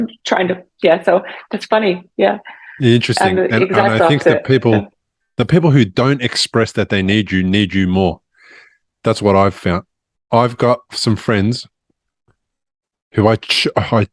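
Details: Adult man speaking; normal speech.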